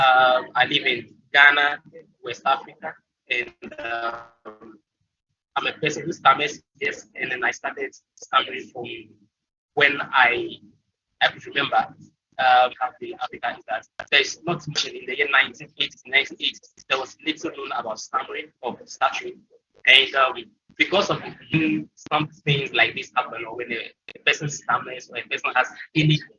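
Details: Speaker from Ghana who stammers, presenting on an African stuttering support group; frequent fillers and broken phrases; stuttering.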